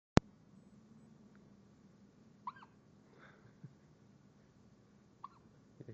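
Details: Hiccups from a boy addressed as "buddy": a few brief, sharp voiced catches spaced seconds apart in a quiet room.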